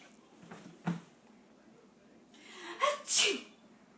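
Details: Young girl, apparently about two years old and camera-shy: soft sniffs, then a quick gasp and a sharp, high sneeze; a single sneeze.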